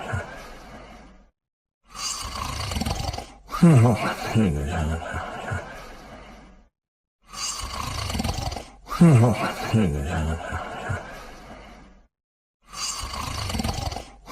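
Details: Snoring of a sleeping dog.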